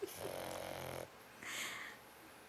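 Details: Pug snoring loudly, apparently almost awake: a rough, rattling breath followed by a softer hissing one in a quiet room, flat-faced small dog snoring.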